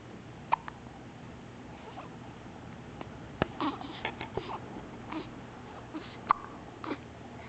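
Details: Highlight reel of hiccups: repeated short, sharp hiccup clicks, about twenty a minute and somewhat irregular, with soft babbling sounds between.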